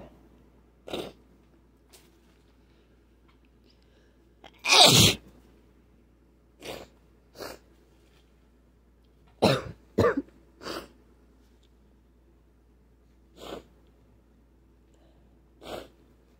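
About ten sharp sneezes over sixteen seconds in a quiet room, one much louder than the rest; repeated sneezing.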